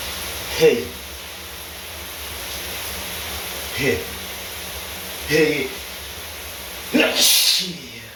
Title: shower sneezes (m)